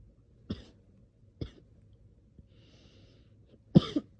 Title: me coughing today